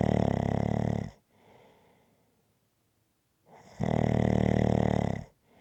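Two long, loud, buzzing snores about three seconds apart, each followed by a softer breath out: rhythmic snoring in sleep.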